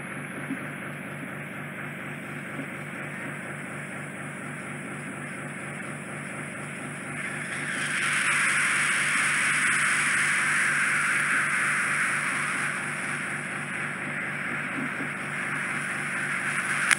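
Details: Endoscopic ear microsuction with fine-end 18-gauge tip removing residual impacted wax off a man's tympanic membrane, slightly narrow canal entrance: steady hissing suction over low pulsing motor hum, louder midway as material is drawn.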